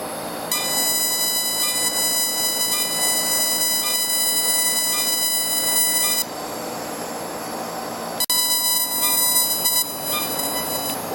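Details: A Lumenis Encore CO2 laser makes a bloodless incision to remove ear keloids from piercings in a Caucasian patient: a steady high-pitched electronic whine with faint rhythmic ticking and a brief break midway.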